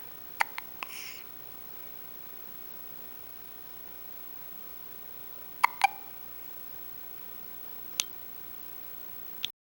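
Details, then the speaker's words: Baby with hiccups: short, sharp, sudden catches of breath at uneven intervals over a quiet background; infant hiccups. "Those hiccups gone? Hang in there."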